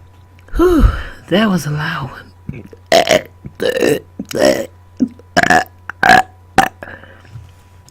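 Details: A run of loud, drawn-out belches shaped into word-like sounds, voluntary burp-talking on command after dinner into a microphone, over a steady low hum; burping.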